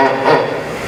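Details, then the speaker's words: Tone from a pneumatic artificial larynx, fitted over the tracheostoma with a tube into the mouth and driven by exhaled air, providing a sound source for intelligible speech after laryngectomy. "it provides a tone that allows the person to articulate intelligible speech"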